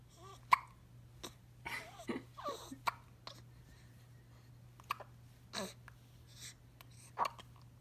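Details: 1-week-old newborn: repeated short, sharp hiccup sounds, about eight in several seconds, with soft baby noises and a low room hum; hiccups.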